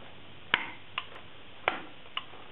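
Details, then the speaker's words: Sharp clicking snaps, two louder and two softer, from an automatic Dermojet needleless jet injector fired twice after priming to confirm pressure. "fire two times and you can see where there's pressure so it's okay you can use it"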